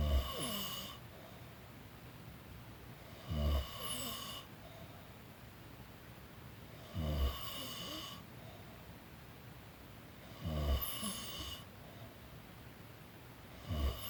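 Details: Person napping, snoring: regular low snores on each breath, about 18 breaths a minute, with quiet room hiss between.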